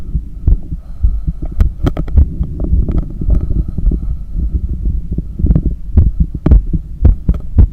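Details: Loud, fast heartbeat about 110 a minute with rubbing and breath noise, heard during cool-down after a long run, with visible neck veins and pulse; normal heart sounds raised by exercise.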